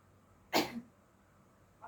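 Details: Simulated nursing-student chest physiotherapy demonstration: an adult woman as patient, after postural drainage, percussion and vibration, takes a deep breath and gives a single strong, deliberate effective cough to clear secretions. This is a repeat attempt because secretions had not come out.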